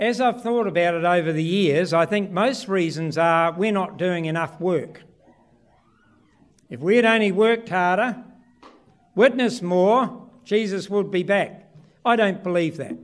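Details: Adult man speaking; ordinary speech.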